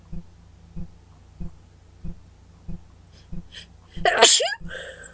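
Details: Person with a worsening cold, slight fever and very itchy nose: quick inward hitching breaths build to one loud, forceful sneeze with a trailing voiced sound, over steady low background ticking; sneeze.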